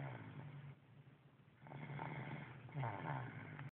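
Low rumbling, fluttering breath noise in a couple of rough cycles, typical of snoring.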